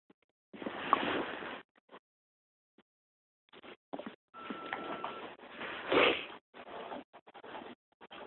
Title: My tummy making weird noises..